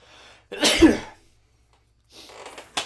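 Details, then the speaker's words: A single loud, explosive burst with a sharp intake before it, replayed from a cartoon in which a character sneezes uncontrollably while a friend complains: sneeze. "what's wrong with you you've been sneezing all freaking why won't you stop he you just won't freaking stop sneezing"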